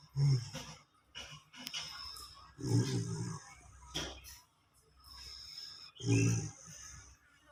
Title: Snoring..,,😴